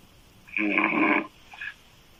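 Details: Adult female, open-mouth loud snoring: a single loud, rasping snore on the in-breath, followed by a faint short sound. Her snoring is described as sounding like a man's.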